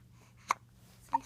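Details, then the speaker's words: Young child with morning hiccups while mother gives kisses to chase them away: two brief, abrupt hiccups about half a second apart in a quiet room; hiccups. "Do you want to kiss your hiccups away?"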